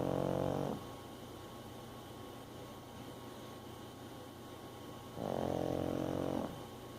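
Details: Sleeping animal snoring: two soft, buzzing snores about 4.5 seconds apart over quiet room noise.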